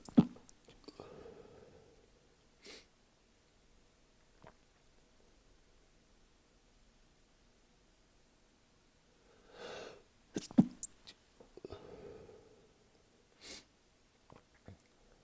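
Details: Held back sneezes, then let out while showering after a session: several short explosive sneezes with sharp inhaled gasps between, over about fifteen seconds in a quiet room; repeated sneezing fit.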